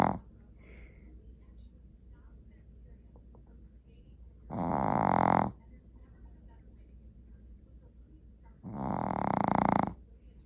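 Two long, loud rasping snores about four seconds apart over a steady low room hum; snoring during sleep.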